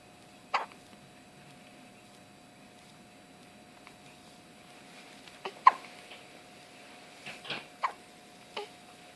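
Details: One-day-old newborn with hiccups: about six soft, abrupt catches over nine seconds against a steady background hum.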